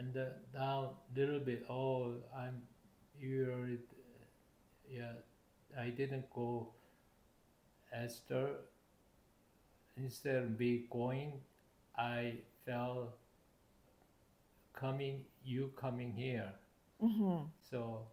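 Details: Adult male stroke survivor with aphasia due to stroke, having trouble speaking and collecting his thoughts and needing extra time to respond, on blood thinners; aphasia.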